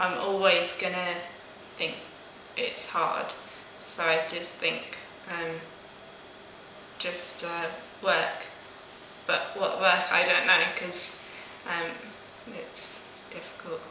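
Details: Broca's aphasia in a 19-year-old woman about 16 months after a stroke at age 18, with persisting difficulty with speech, numbers, reading and writing; receiving weekly speech therapy.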